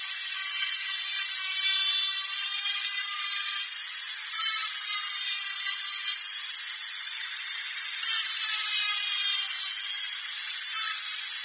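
Continuous high-pitched whine of a dental drill, steady with slight pitch wavering.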